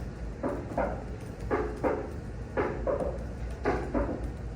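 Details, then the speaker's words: Taught example of a third heart sound: slow rhythm near 56 beats a minute with paired beats and a soft extra sound, decreasing in intensity. S3 gallop. "Y este es un S3. Va disminuyendo en intensidad y se escuchan los tres. S3."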